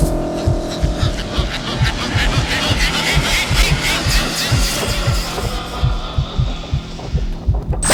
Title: Predator - Vision & Sound FX (HQ sound) full heartbeat effect